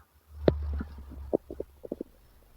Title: Male stomach growl 67